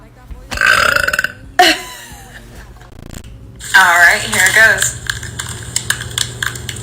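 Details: Young woman burping deliberately on command: loud, drawn-out voiced belches, several in a row, with background music; repeated burping.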